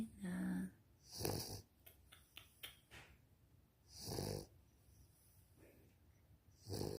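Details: Victorian Bulldog puppy snoring while asleep: noisy snorting snores with rough inhaled breaths and faint room noise.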